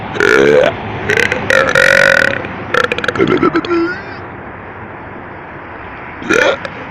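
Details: Person deliberately burping at midnight: several loud, drawn-out burps in a row, with a final burp after a pause.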